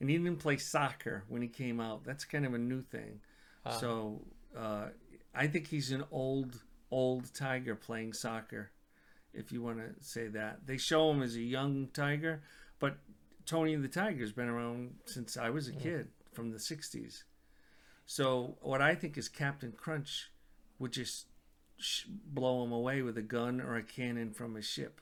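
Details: Adult male speaker; normal conversational speech.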